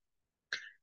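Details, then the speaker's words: Adult student, sick with a cough and losing her voice, during a recorded semester exam presentation; a single short, dry cough close to a throat clear in a quiet room; cough. "Mohon maaf juga Bu suara saya enggak bisa keluar lagi sakit saya lagi batuk P dan suara saya enggak bisa keluar di presentasi begini"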